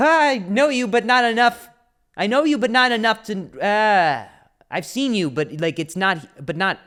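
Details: Adult male comedian with a stutter (speech impediment), speaking spontaneously on his solo podcast; stuttering.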